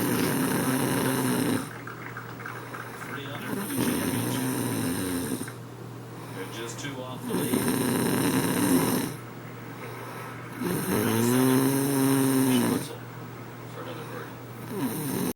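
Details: Elderly woman (grandmother) snoring: loud, rough rhythmic snoring on each breath, about 16 breaths a minute, over a television in the background.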